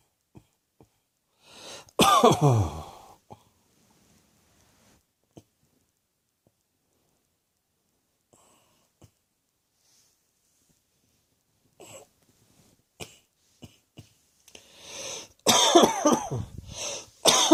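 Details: A harsh cough near the start, then quiet, then a cluster of several coughs at the end, in a quiet room.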